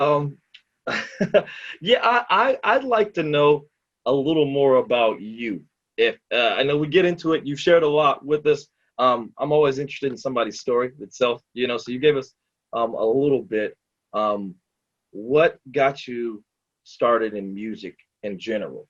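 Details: Adult man; Normal conversational speech.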